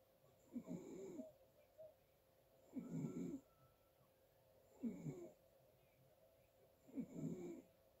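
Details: Recorded in the dark on a phone: quiet, rough, fluttering snores every two seconds or so against a faint steady hum; snoring during sleep.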